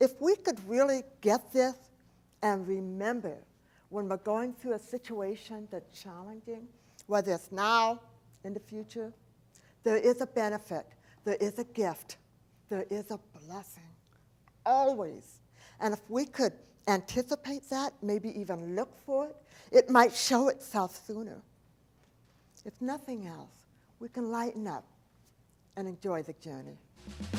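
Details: Adult woman, profoundly hearing-impaired since age four after a 106-degree fever destroyed about two-thirds of her hearing; deaf speech (speech of a profoundly hearing-impaired speaker).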